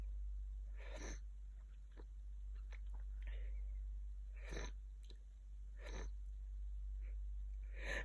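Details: Person with a bad cold and very blocked nose, bedridden two days: repeated short, sharp nasal bursts with sniffs and snorts between, fitting sneezing and nose-blowing, over a low steady hum.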